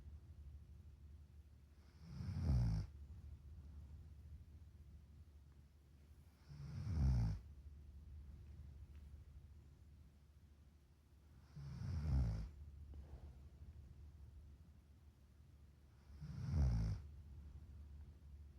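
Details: Four deep, rumbling snores about 4.5 seconds apart, roughly 13 a minute, with quieter breathing between: snoring.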